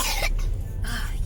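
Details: Child gives two short, harsh coughs over a low background rumble.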